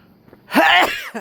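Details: Adult male sneezing late at night while walking home: a single loud, explosive burst after a short quiet lead-in; a sneeze.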